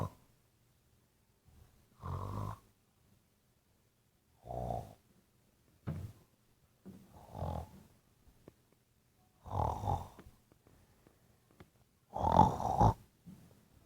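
Repeated deep, rattling snores at irregular intervals, some loud and throaty, in a quiet room.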